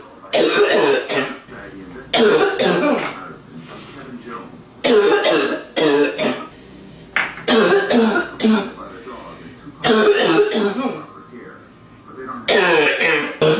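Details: Repeated deep, congested, barking coughs in bursts separated by pauses from an adult woman; a congested smoker's barking cough.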